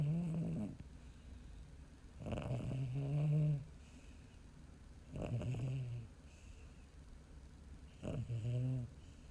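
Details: 10-year-old female Chihuahua–Shih Tzu mix sleeping with her tongue out, snoring: loud, low rumbling snores about every three seconds, roughly 20 a minute, with quieter breaths between.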